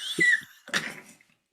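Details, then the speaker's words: Adult woman's stomach growling during a podcast recording: a brief high squeaky, meow-like gurgle then a softer rumble; normal borborygmi, not flatulence. "It wasn't a fart. Oh my God. Did you hear it? It was like, "Meow.""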